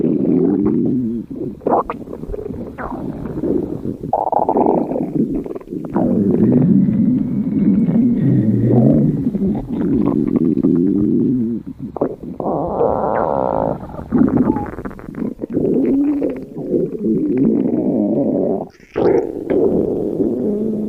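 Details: Loud, continuous gurgling and rumbling from the abdomen with shifting pitch: ordinary stomach growling (borborygmi).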